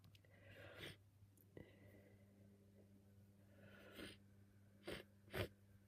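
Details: Messy, wet, uncovered sneezes with a cold, sneezing all day: breathy inhalations building up, then two abrupt, wet-sounding sneezes over steady room hum.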